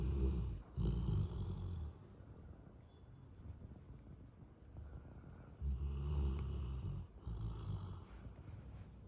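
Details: Golden retriever dog with two deep, fluttering snores about five seconds apart and soft breathing between: snoring.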